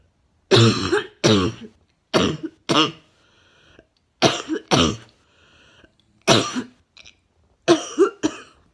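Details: About nine loud, harsh coughs, mostly in pairs, in a quiet room; a wet, barking cough.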